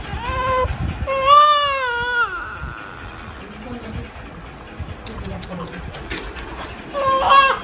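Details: Newborn baby girl on her first day after delivery (described as a scissor delivery), Nepal: a high-pitched wail with a falling tail, then quieter whimpers and another cry over background noise.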